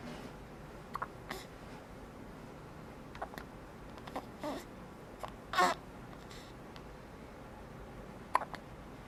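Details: Several brief, sharp voiced gulps at irregular intervals over quiet room noise, from a person with ongoing hiccups; hiccups.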